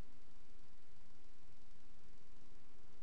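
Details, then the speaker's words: Heart auscultation teaching example of paradoxical splitting of the second heart sound: single S2 on inspiration, split appearing as the pulmonary component moves forward with reduced return. "en inspiración disminuye el retorno y el componente pulmonar hacia adelante redu se desdobla paradójicamente entre comillas así aparece"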